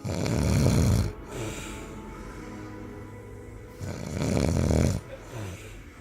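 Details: Two loud, rough, rattling snores separated by a quieter out-breath, with faint background music: snoring.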